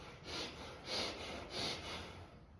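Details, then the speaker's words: Imitated breathing demonstrating Cheyne-Stokes respiration, seen in patients herniating onto the brainstem: rising then falling breaths (little breath, big breaths) fading into a pause, a crescendo-decrescendo cycle. "So Cheyne-Stokes, you'll see this in patients that, again, they're herniating onto their brainstem. It sounds like this. It's called a crescendo decrescendo with a pause."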